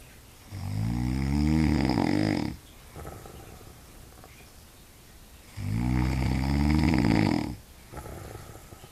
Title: Animal snores sleeping